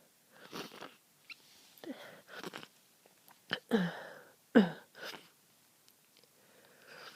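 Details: Person ill with a cold for over a week, stuffy and congested: several short explosive sneezes with catching breaths and sniffles between them in a quiet room; repeated sneezing.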